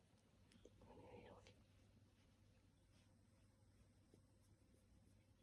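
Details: One brief, breathy, half-voiced gasp for air on waking, followed by quiet room hum; gasping on waking.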